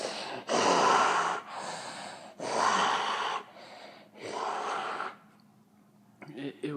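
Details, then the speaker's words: Child imitating their dad's heavy snoring ("like a bear"): about five loud, rough, snorting breath bursts in a row. "we heard my dad he was he was was snoring like crazy he sounded like a bear"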